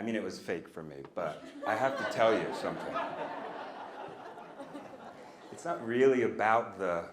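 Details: Stuttering with part-word and whole-word repetitions in an adult man, a person who stutters and speech-language pathologist, speaking live; he says he used to stutter overtly a lot more.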